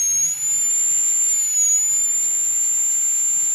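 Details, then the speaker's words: High-speed dental handpiece doing a full metal crown preparation on tooth #46 of a phantom head: steady high-pitched whine with spray hiss as the top of the wall, middle and occlusal thirds reduce first. "See, the top part of the wall is reducing first. The middle third and the occlusal third will reduce first."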